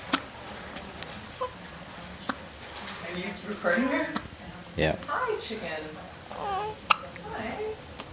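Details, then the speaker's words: Young child with recurrent hiccups: brief, sharp hiccups at irregular intervals, about six in eight seconds, amid the child's babble and adults talking in a room. "Do you like having hiccups? Huh? What can we do? Oh, should we get him some water? Well, how are we going to get rid of those hiccups?"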